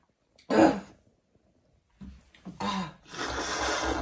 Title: Fall barking cough